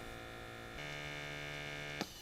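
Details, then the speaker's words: Automatic upper-arm digital blood pressure monitor, cuff kept at heart level, subject silent and relaxed: steady pump hum rising in pitch during cuff inflation, ending with a click; reading 126/72 mmHg, pulse 75 bpm. "attention please please keep silent and relax keep the cuff at heart level start measurement now"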